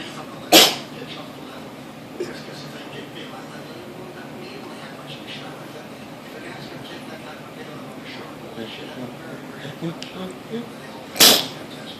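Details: Dog sneezing: two sharp, sudden bursts of air about ten seconds apart, with quiet room noise between.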